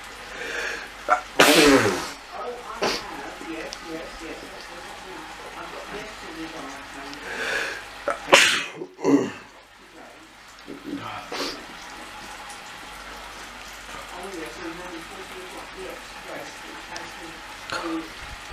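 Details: Sneezing, attributed to plants: a few sharp, explosive bursts with gasping breaths in between, against room noise and faint talk.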